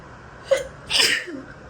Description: I tried out a new body wash and the scent was a lot stronger than I realized. It set me off so bad so I grabbed my phone and started recording.